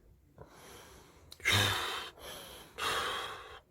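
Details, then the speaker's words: CPAP machine prescribed for heavy snoring and sleep apnea, worn with a mask while demonstrating use: rushing, hissy airflow in two surges with a snort-like intake as the machine forces air in. "자 이렇게 설치를 하고 잠을 자며 는 기계가 호 홀 그 주는 거죠 강제로 부쩍 계속"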